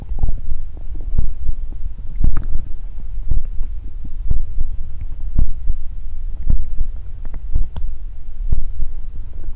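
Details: Stomach growling recorded close to the belly for body-sound ASMR: continuous low rumbling with irregular gurgling pops.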